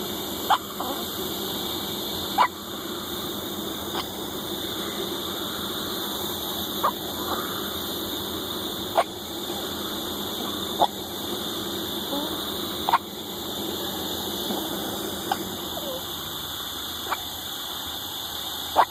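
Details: Hiccups: regular brief sharp hics about every two seconds, roughly ten in twenty seconds, over a steady hum.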